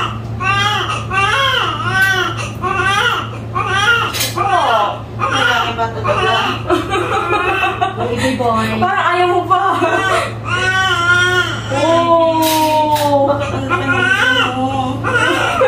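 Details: Newborn of a 33-year-old first-time mother just after normal delivery: repeated vigorous crying bursts over steady room hum with adult voices; newborn cry.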